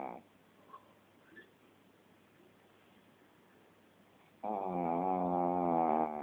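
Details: Quiet stretch, then one loud, drawn-out tonal snore on a breath from a shih tzu; snoring in a small dog.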